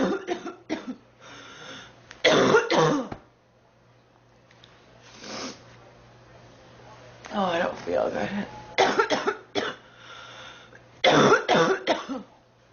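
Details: Girl coughing continuously in harsh bursts that come in clusters with short pauses; she says she has been sick for three weeks and feels hot.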